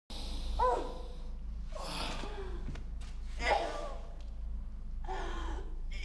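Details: Four short, simulated coughs acted by a woman, each a harsh burst with a voiced, gasping tail, over a steady low hum; cough.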